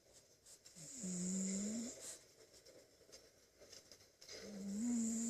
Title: SNORING CAT WHAT A MESS !!!